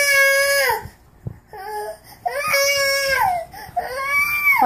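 Repeated wailing cries from an infant with short pauses for breath between bouts.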